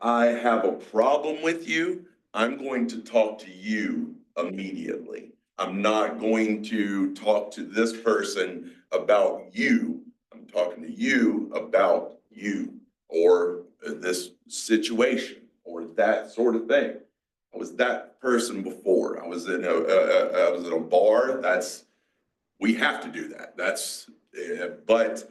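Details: 47-year-old man with aphasia, a mix of Broca's and Wernicke's, after a massive stroke 6 years ago, with strokes and seizures; he relearned to talk and still has word-finding blocks.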